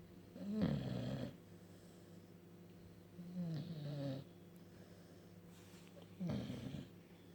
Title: Funny bulldog snoring